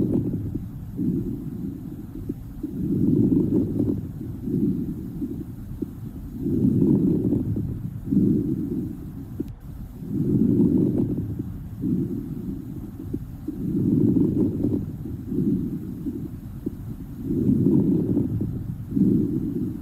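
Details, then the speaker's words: Late inspiratory crackles: fine crackling late in each breath in, at about 17 breaths a minute; crackles that do not clear after a cough may indicate pulmonary edema or fluid in the alveoli from heart failure. "crackles that don't clear after a cough may indicate pulmonary edema or fluid in the alveoli due to heart failure or arts listen to an example of late inspiratory crackles"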